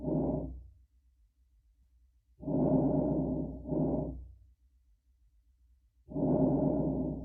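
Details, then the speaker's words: Two soft, low-pitched breath cycles with longer inspiration and quieter, brief expiration: normal vesicular breath sounds, heard over the lung periphery. "so the areas wherein you're going to hear the vesicular breath sounds as I said are in the periphery"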